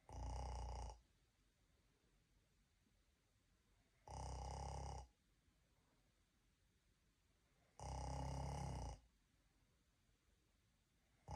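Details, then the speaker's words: Person (self-described Laotian) deliberately imitating snoring, recorded by mom: three loud, rough inhaled snores about every four seconds, roughly 15 a minute, quiet breathing between; simulated snoring. "This is how I snore as a Laotian. Asians usually snore like this. Even like this!"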